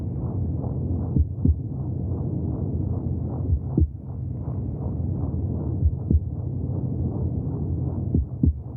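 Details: Heartbeat heard in the womb: muffled whooshing womb sounds with soft, dull thumps recurring through a constant low rumble.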